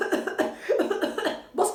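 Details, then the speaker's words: An adult imitates the paroxysmal cough of whooping cough (Bordetella pertussis) in a microbiology lecture: a rapid run of about six short coughs in one fit without a breath, which the lecturer says ends in a rooster-like whoop. "من كتر ما انت بتكح تفضل تعمل زي تمام، زي صوت الايه، زي الشهقه بتاعت الديك. عشان كده هم سموها الاسم ده، اللي هي سموها ايه؟ ووبنج كف، يعني كحه شبه شهقه الديك."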